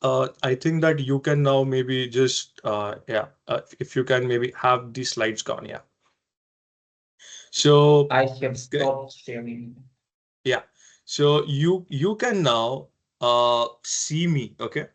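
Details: Adult man who has stammered since early life, persisting into adulthood, in casual conversation; stuttering.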